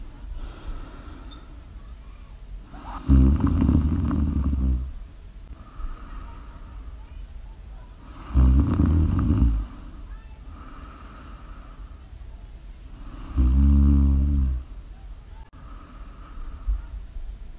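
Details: Snoring during sleep, live recording: three loud rattling snores about five seconds apart, roughly 12 breaths a minute, with quieter breaths between.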